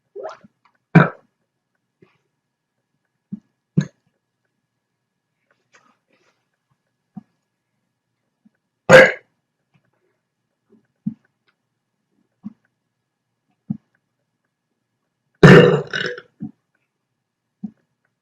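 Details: Irregular short gulping hiccups, about nine a minute, with a few louder belches among them: rapid repeated hiccups and burps.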